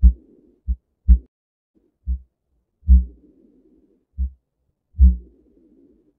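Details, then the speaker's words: Diastolic murmur: slow paired heart sounds with a soft rushing murmur filling the gap after the second sound, played as a practice example in heart-murmur teaching. "if you have a murmur between as one as two that loved up or if it's outside of that remember inside of that it is a systolic murmur outside of that diastolic murmur"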